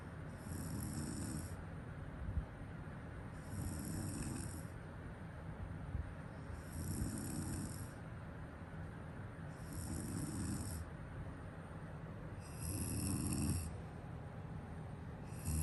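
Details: Steady low rumbling snores with each breath, about 20 breaths a minute, over faint room hiss; ordinary sleep snoring.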